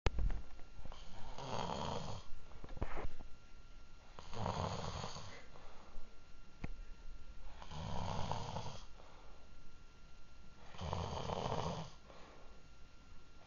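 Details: Person snoring: slow, regular rattling snores on each in-breath, about 18 breaths a minute, with quiet out-breaths between.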